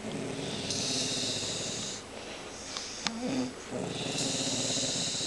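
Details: Female dog snoring on the couch: harsh, raspy snoring breaths with a brief pause and a snort in the middle.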